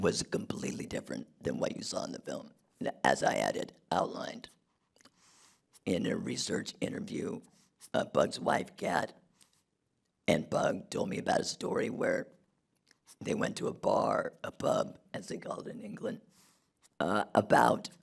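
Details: Man who had a laryngectomy in 2016 due to long-term radiation damage from tonsil cancer treatment 19 years earlier, speaking without his natural voice box; alaryngeal speech after laryngectomy.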